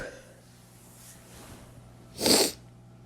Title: Wet Male Teasing Sneezes